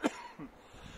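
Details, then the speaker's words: Adult with an itch in the throat from something caught there: one short, sharp cough followed by a softer throat-clearing rumble. "I might actually have to take this pair the video excels you'll hear is coughing something caught my throat so let me clear that first well it's not going away anytime soon this itch in my throat"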